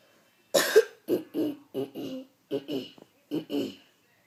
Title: Throat clearing